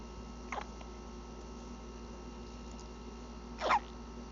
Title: Baby having hiccups, playing before sleep